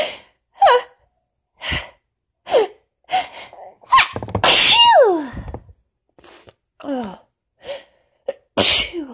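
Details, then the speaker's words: Adult with lingering cold and allergies, sneezing fit winding down: several forceful sneezes in quick succession with sharp voiced intakes between bursts. "Okay. Oh, they're winding down. They're starting to... Tickle is pretty much gone, but a few remnants left, I think. A few sneezes yet to come."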